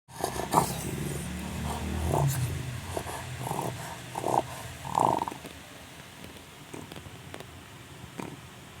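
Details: Sleeping Chow Chow dog snoring: low, rough rumbling with irregular noisy breath bursts.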